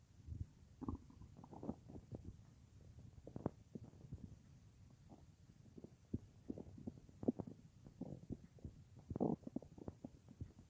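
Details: Bowel sounds at night, recorded about an hour after soup on a day with no full meal, lying on left side, phone in front of belly or mic pressed to it: irregular gurgles, squeaks, low rumbles of digestion.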